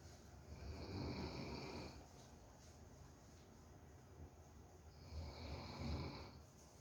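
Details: Pet dog falling asleep: two soft, low, fluttering snores several seconds apart against background hiss, snoring.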